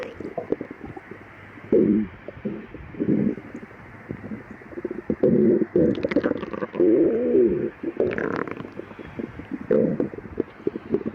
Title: Girl stomach growling for 3 days and her boyfriend put his head on her empty stomach